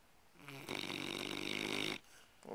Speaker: it's really tired he's snoring lab he's part motorboat it's really hard working motor scooter